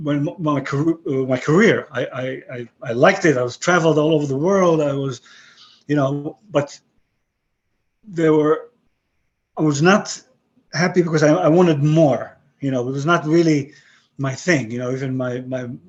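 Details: Aphasia after a stroke about 11 years earlier in a 62-year-old man; English and Hebrew retained in broken form, other languages lost.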